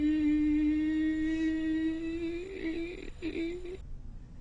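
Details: Singer ascending in pitch with mucus mid-cord suggesting vocal nodules from voice overuse; one vocal cord splits into two vibrating segments, giving diplophonia.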